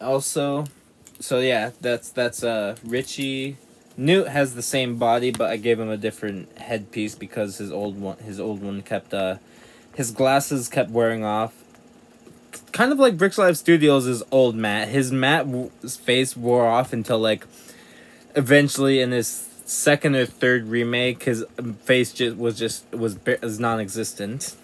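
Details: Stuttering in a young man who self-reports a severe stutter that often forces him to refilm; real speech.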